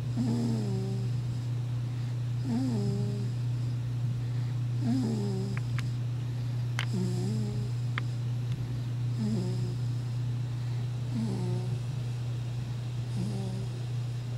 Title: snoring